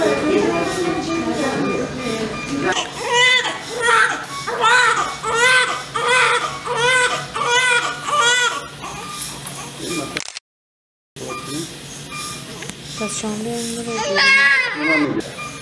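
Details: A newborn baby boy crying seconds after birth, described as a painful delivery: loud, rhythmic repeated wails with a brief gap, over background music; a vigorous newborn cry.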